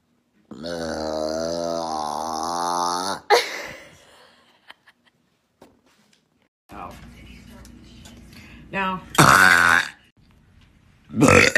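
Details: Long, loud, voiced belch followed by a few shorter burps and throaty sounds with quiet gaps: burping.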